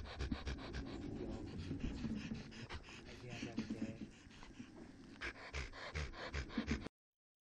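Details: Fast, harsh panting with a high-pitched, slightly musical inspiratory rasp on exertion; 11-year-old 30 kg male Standard Poodle, laryngeal paralysis with non-abducting arytenoids, paradoxical movement and dynamic cervical tracheal collapse.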